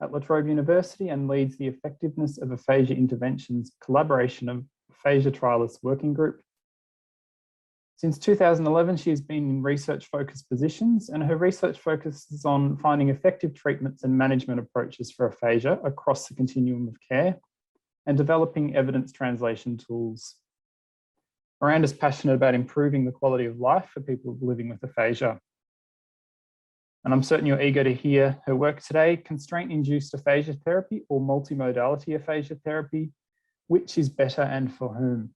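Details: Adult speaker; typical speech.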